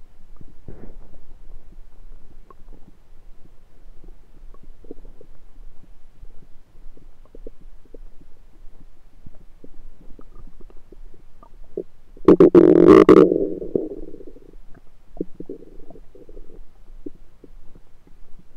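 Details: Self-recorded with a USB stethoscope on the belly: quiet gurgles with a louder rumbling gurgle mid-recording, normal stomach rumbling; bowel sounds (borborygmi).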